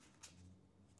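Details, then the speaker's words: Adult's faint, low, drawn-out stomach growling before lunch in a quiet room: ordinary hunger borborygmi. "my apologies if you guys hear my um my uh stomach growling okay it's almost time for me to have lunch so sorry about that"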